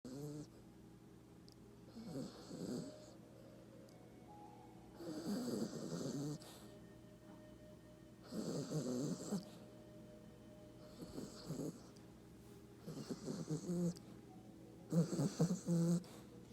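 Repeated rough snores, roughly six over sixteen seconds, with quiet pauses between breaths; ordinary snoring.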